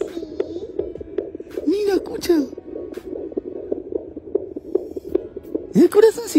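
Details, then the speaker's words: Fetal heartbeat heard on a home Doppler bought online, gel applied to the mother's abdomen: fast, regular whooshing pulses about 150 per minute. The parents say the baby, a girl, keeps moving and the heart "beats very hard." "¿Qué es eso? El corazón del bebé. ¿Qué? A ver. ¿Es el corazoncito?"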